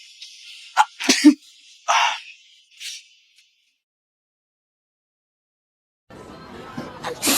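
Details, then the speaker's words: Sneezing prank, with the sneezer claiming hay fever: a sharp breath in, then loud, explosive sneeze bursts, followed by laughter and background noise. "SORRY, BRO. SORRY. Hay fever. Sorry about that."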